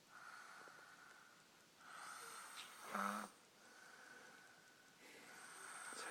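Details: Haydn, in normal sleep, gives soft, whistling snoring breaths about every two seconds, with one louder snort in the middle: snoring.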